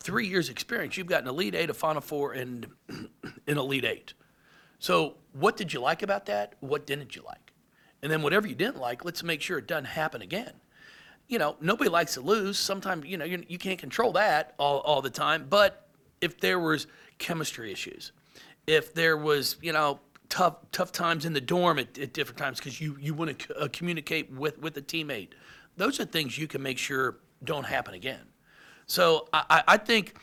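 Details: Adult man with lifelong stuttering, speech therapy from first to eighth grade, now much improved; he anticipates which words he will stutter on and substitutes them; stuttering.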